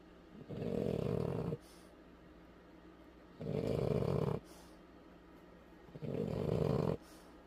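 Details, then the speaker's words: Simulated snoring, voiced for a female French bulldog puppy shown lying awake: three loud, rattling snores about two seconds apart with quiet pauses. "I'm a pretty girl and I don't snore but I'm going to snore for you just because you expect me to"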